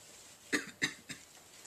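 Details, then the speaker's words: Three quick, soft cough-like bursts in a row from a 31-year-old man with Tourette syndrome, mostly motor tics since age 9; a coughing vocal tic during an interview. "I have mostly physical, or I guess motor tics, but I do have vocal tics as well, the coughing and some other noises."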